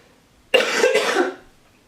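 An adult gives two quick, harsh coughs in one short bout, a chronic cough of cystic fibrosis.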